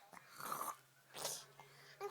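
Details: Child imitating snoring: two short, rough, snorting fake-snore breath bursts over a steady low room hum.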